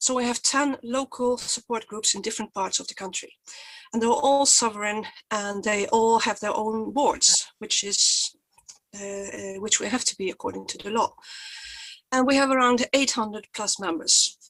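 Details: Stuttering in an adult woman who stutters, who says her stutter is quite obvious today.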